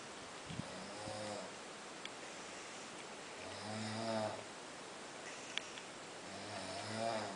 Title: snoring snorlax